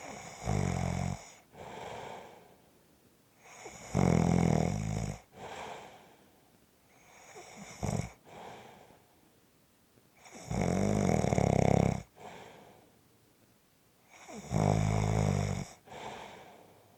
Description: This is a 5 1/2 minute clip of snoring.